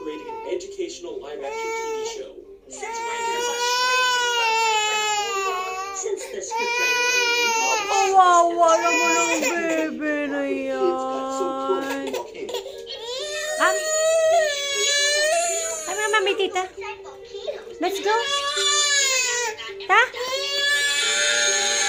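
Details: Crying baby: long, wailing bursts with brief catch breaths, rising and falling in pitch.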